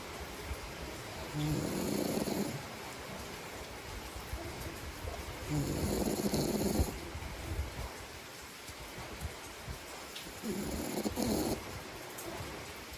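Three rough, rattling snores on the in-breath, roughly every four to five seconds, with quiet breathing between; ordinary sleep snoring.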